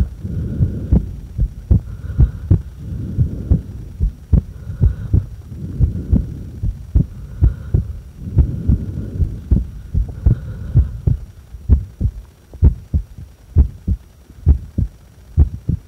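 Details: Regular low heart thumps at about 80 a minute, with breath noise between stretches of breath held after inhaling or after exhaling; normal heart sounds during breath-holding.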